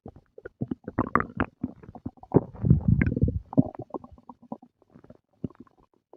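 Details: Stomach growling and gurgling after breakfast: irregular low gurgles and rumbles from the abdomen, ordinary bowel sounds (borborygmi) after a meal.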